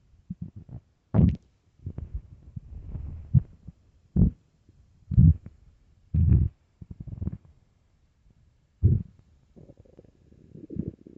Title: starving stomach growling and rumbling part 2